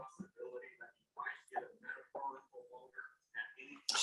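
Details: Non-word vocalization in a 25-year-old unreliably speaking autistic woman.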